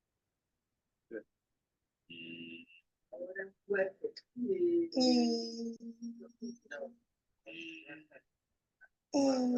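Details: Patient with vocal fold nodules from voice overuse, with incomplete vocal fold closure leaving gaps on either side of the nodules; treatment is voice therapy; hoarse voice from vocal fold nodules.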